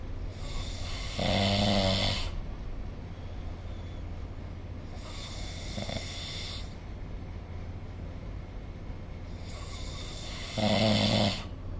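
Two loud rattling snores about nine seconds apart, with softer breathing between, over steady low room hum; snoring during sleep.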